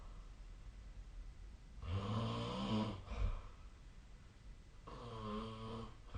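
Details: Two loud, buzzing snores on breathing in, about three seconds apart, over quiet room noise; sleep snoring recorded on 2025/02/03.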